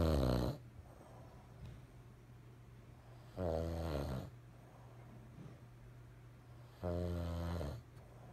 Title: My dad is snoring again😂